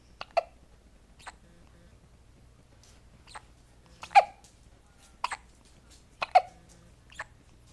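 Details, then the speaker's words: Baby hiccups with squeaky-toy-like sounds while a parent asks whether the baby has the hiccups. "Do you have the hiccups? Do you have the hiccups? You got hiccups? You poor thing."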